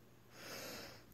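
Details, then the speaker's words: Adult with long-standing asthma during an asthma attack: a single harsh, noisy breath through the airway, described as really shallow and deep; laboured breathing. "hi everyone it's me this is what it's like to have an asthma attack if you can hear my breathing it's really shallow and deep because I've had asthma for so long and I'm so sick of taking my inhaler I"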